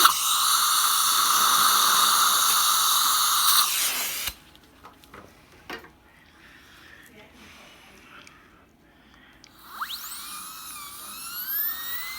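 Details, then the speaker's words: High steady dental drill whine for about four seconds, then quiet and a rising restart, as a fine diamond bur removes flash from a composite filling on tooth number 20, buccal and lingual. "so I like to start off with diamond bur a fine diamond bur like this and then go around"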